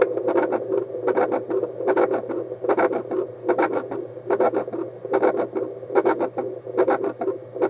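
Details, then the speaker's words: Handheld fetal Doppler with gel used on an adult's own body as a demonstration: regular whooshing pulse sounds at about 73 per minute, a normal adult pulse. "Также можно даже у себя сердцебиение измерить давайте сейчас попробуем продемонстрировать"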